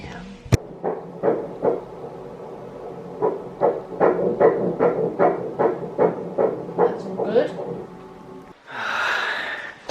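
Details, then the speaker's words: Rapid, regular whooshing fetal heartbeat on ultrasound in early pregnancy, before 12 weeks, after a previous miscarriage, at about 150 beats a minute; the baby is healthy. "It is still quite early, but the baby is perfectly healthy and fine."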